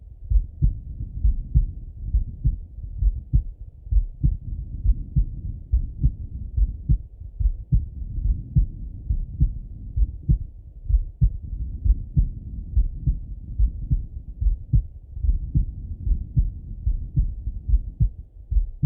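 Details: Male heart auscultated with a stethoscope: steady, deep lub-dub heartbeat at about 71 beats a minute with no added sounds; normal heart sounds.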